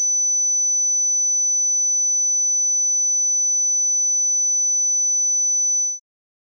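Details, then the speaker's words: Pure, steady high-pitched 6000 Hz tone lasting about six seconds, then silence; first tone of a headphone hearing test, played in the left ear. "okay guys so first tone 6,000 Hertz"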